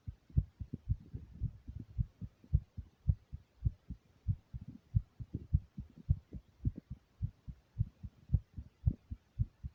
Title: First heartbeat recording